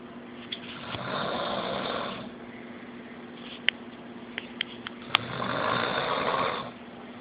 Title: Snoring officer